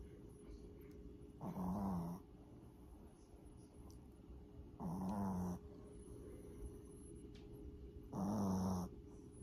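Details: Loud snoring: three rough, low-pitched snores about 3 seconds apart, with quiet breathing and steady room hum between them.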